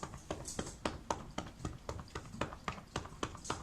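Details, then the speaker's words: Chest percussion demonstration over a shirt, upper lobe anterior position, person breathing comfortably and relaxed; rhythmic hollow clapping from a cupped hand with wrist motion, about 220 claps a minute, to loosen secretions. "you're gonna develop create a little cup the percussion is the sort of a pocket of air that's tapping all right"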